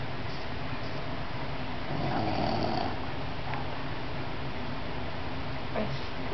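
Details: A sleeping nephew gives a steady, low rumbling snore with a louder swell midway, under constant room noise; loud enough that ear plugs are needed; snoring.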